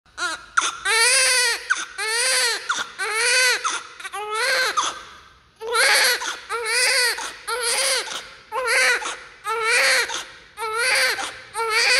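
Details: Newborn baby crying loudly with active lungs: loud, strong, repeated long rising and falling wails with brief breaths between, a vigorous newborn cry.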